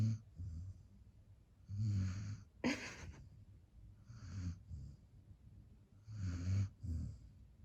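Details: Sleeping dog snoring like an old man: slow rhythmic snoring, rough low rattles and a snort on each breath, about 25 breaths a minute.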